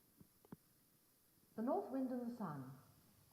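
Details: Simulated hearing impairment with added noise: a few faint clicks, then a brief muffled phrase of speech with the clear high-frequency sounds stripped away.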